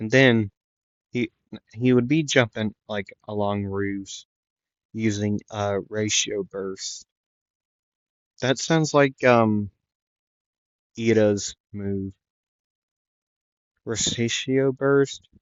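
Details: Stuttering in a male narrator who says he stutters a lot and repeats things; in this clip he repeats "the" several times.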